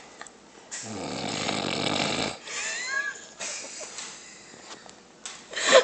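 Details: Grizzly bear snoring: deep rumbling snore on inhalation, then a whistling, squeaky exhale and softer snorts.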